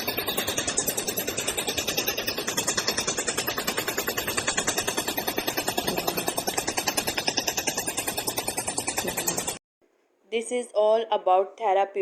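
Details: Radial shockwave therapy in a physiotherapy clinic, applied with gel in slow circular motion over a painful area, frequency and power set to the patient's condition: rapid, regular mechanical tapping, about 150 pulses a minute, then stops.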